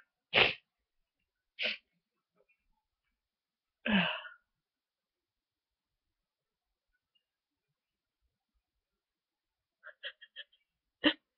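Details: Several slow-to-come sneezes spaced over about ten seconds, with small catches before the last, from an adult in bed with a cold (fever and sore throat first days, now stuffy, sniffly nose); sneezing with a stuffy cold.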